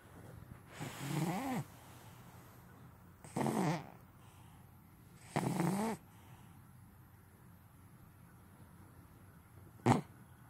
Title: All the snores